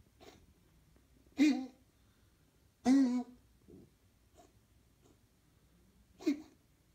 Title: Modello's cough July 2017